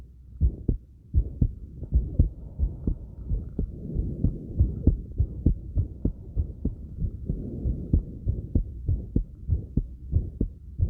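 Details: Steady low heart thumps at about 97 a minute with soft breathing and movement noise, recorded on oneself after light crunches: rapid heartbeat after exercise.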